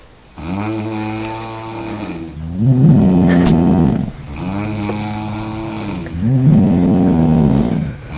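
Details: Mother and daughter sleeping in a hotel room after drinking alcohol: loud snoring, about two breath cycles, each a droning snore followed by a rougher, fluttering one.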